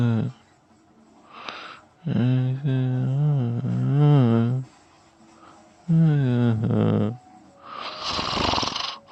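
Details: An adult snoring and sleep talking: loud, low snoring with drawn-out voiced, groaning tones between breaths and a harsh snorting breath at the end.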